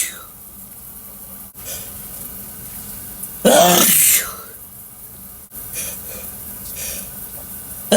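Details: Intense loud sneezing in the shower: one explosive sneeze over running water in an echoing room, with softer throat sounds around it.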